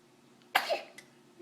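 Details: Infant just woken from a nap, while the parent suspected a diaper blowout: a single sudden, sharp burst of air with a faint softer sound after; an ordinary baby sneeze.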